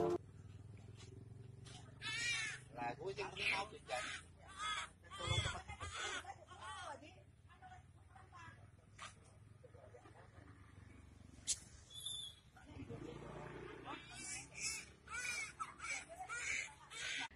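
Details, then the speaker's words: Newborn baby girl, just born safely on a pedicab in the street: repeated high, wavering cries over outdoor crowd murmur and street noise, a vigorous normal cry after birth. "Dalam rekaman juga terdengar suara tangisan bayi."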